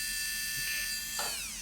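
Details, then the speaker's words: Surgical implant drill boring into a bone model, demonstrating crestal approach for maxillary sinus lift bone graft in upper molar area, without water spray; high steady whine, pitch dipping briefly under load. "그래서 치주정 접근법은 이와 같이 임플란트를 심는다고 할 때 드릴을 쭉 팝니다. 뼈에 이런 식으로 구멍이 생겨요."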